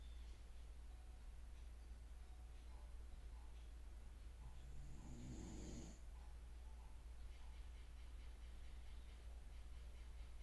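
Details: Snoring during sleep, recorded 2024-06-16: one rough, rattling snore against a steady low room hum.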